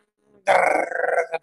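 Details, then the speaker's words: Needle EMG myotonic discharge, as in myotonic dystrophy: a brief fluttering electrical whine that swells and fades, sounding like a WWII dive bomber, with waxing and waning amplitude and frequency. "and these things sound like a dive bomber in those world war two movies"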